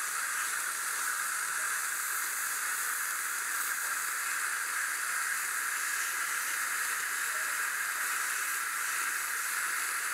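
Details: Steady high-pitched hiss with spray noise throughout from an ultrasonic dental scaler during a cleaning of tartar, plaque and calculus, with cooling water warmed to body temperature for cold-sensitive teeth.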